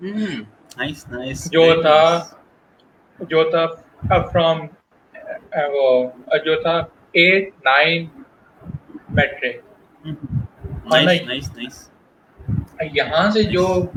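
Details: Adult male working professional who stutters, speaking spontaneously in Hindi/Urdu in a real interview, with audible word repetitions; stuttering.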